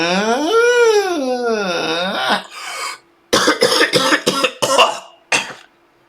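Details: Productive cough.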